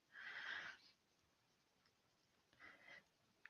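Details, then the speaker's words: A female dog sleeping next to her owner at the computer gives snoring sounds. "all right my dog is laying next to me snoring so if you guys can hear that I'm sorry she she's it taken to sleeping right next to me when I'm on the computer and"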